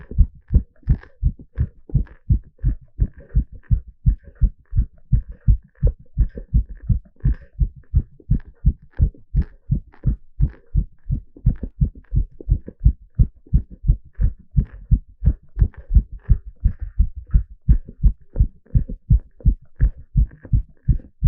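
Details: Live heartbeat recorded during an ECG exercise stress test: fast, regular, low heart thumps at roughly 150 a minute, normal heart sounds sped up by exercise.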